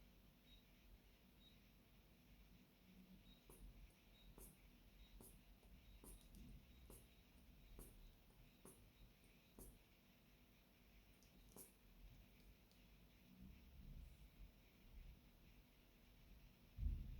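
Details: Korotkoff sounds during blood pressure measurement with a Korotkoff SMART Listener, cuff on a bare arm: about ten regular tapping sounds, roughly 70 a minute, appear and then fade as the cuff deflates.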